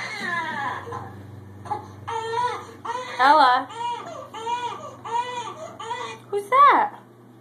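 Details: Baby crying, heard by Ella for the first time: repeated high, wavering wails with room hum in the background, ordinary infant crying.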